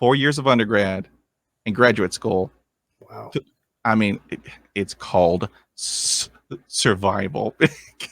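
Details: 23-year-old man with lifelong stuttering since early childhood, having had speech therapy and an intensive fluency program (real, not acted); stuttering.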